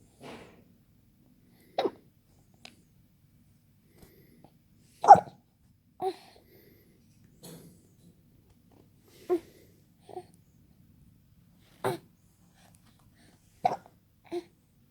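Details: Hiccups in a 3-month-old baby boy: short, sharp, breathy bursts at irregular intervals, about eight in fifteen seconds, in a quiet room.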